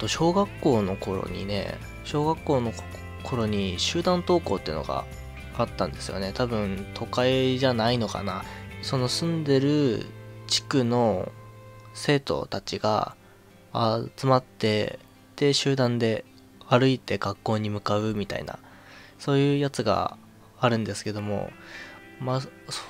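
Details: Man with a stutter since about age 2, which he attributes to childhood stress; he was a sickly child who was often hospitalized; stuttering.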